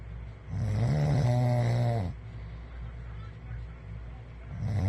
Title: My wife says I snore . She has proof .